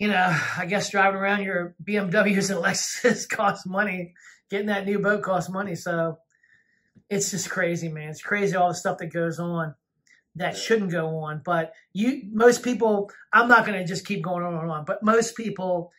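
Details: Adult male speaker; ordinary speech.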